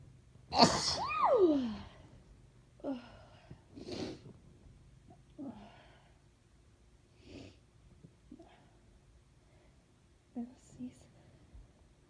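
One loud, forceful sneeze with a squeaky onset, followed by quieter breaths and small vocal sounds.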